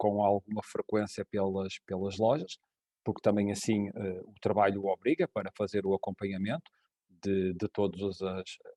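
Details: Adult man speaking European Portuguese; Ordinary conversational speech.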